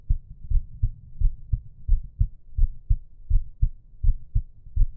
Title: Resting Heartbeat and Breathing Sounds